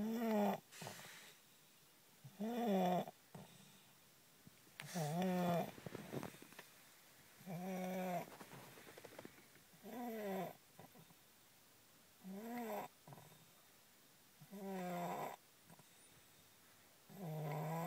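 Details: Person asleep in the car, described as a loud snorer: soft, regular, squeaky whistling snores, about 24 a minute, with quiet pauses between breaths.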